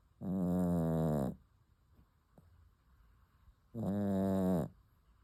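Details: Sleeping puppy snoring: two loud, buzzing, vibrating snores about three and a half seconds apart, quiet between breaths, steady sleep snoring.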